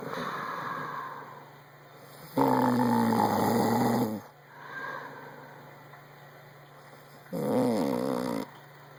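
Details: Repeated loud snoring breaths alternating with softer breathing, a rough vibrating tone on each in-breath, over steady room hum; snoring.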